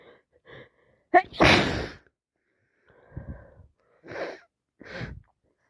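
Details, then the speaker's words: A sharp inhaled catch, one loud explosive sneeze, then quieter breathy sniffs on day 6 of a wet cold with sniffles and an itchy nose. The person feels they are getting sick again and can't stop sneezing. "Still the worst cold ever. Swear I'm getting sick again. I can't stop sneezing today."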